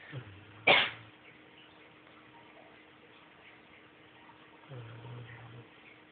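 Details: A person coughs in the background while a man snores: one sharp cough or throat clear, with soft low snoring breaths before and after.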